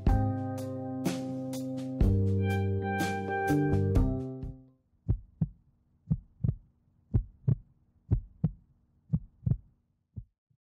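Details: Heartbeat heard through a homemade DIY stethoscope: music at first, then paired low thumps in a steady rhythm, roughly 90 beats a minute; a heartbeat.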